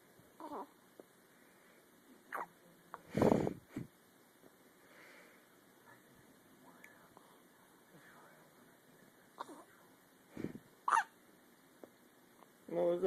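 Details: Riley with recurring hiccups: brief, abrupt hiccup sounds at irregular intervals in a quiet room, soft voices between them.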